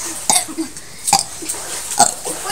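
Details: Person deliberately burping the ABCs: three short, throaty voiced belches with soft room noise between them; burping.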